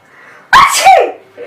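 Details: Acted sneeze in a Hyderabadi comedy sketch showing types of sneezing, with the character saying he has a cold: one loud, voiced sneeze in a small room.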